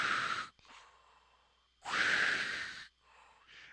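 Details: Imitation of CPAP airflow by a lecturer who uses the machine for sleep apnea. The device pushes pressure on inhalation and stops on exhalation, heard as two soft, breathy rushing blows with quiet pauses.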